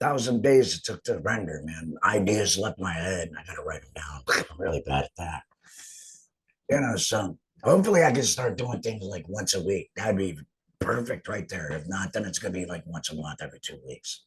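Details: Man after total laryngectomy; finding: alaryngeal speech after total laryngectomy.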